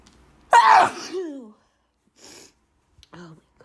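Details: Person with really bad allergies: one loud, explosive voiced sneeze trailing into a falling cry, then soft breaths and sniffs.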